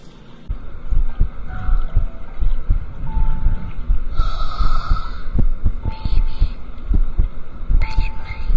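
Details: Heartbeat recorded on the left side during a livestream: soft low thumps about 80 a minute over a steady hum, with no added sounds, normal heart sounds.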